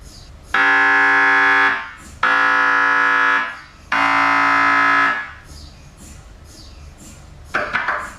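Loud, steady buzzing tones come in blocks about a second long with short gaps between them, the pattern of an MRI scanner running.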